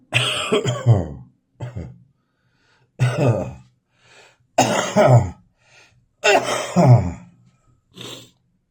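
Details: Adult's morning cough: several harsh, wet coughs and throat-clearing bursts with short pauses, then quieter hawking and spitting, a productive cough bringing up phlegm.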